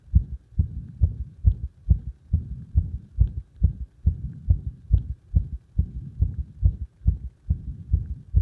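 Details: Arrhythmia caused by compression: rapid heartbeat about 140/min with uneven spacing and loudness between beats; an irregular rhythm.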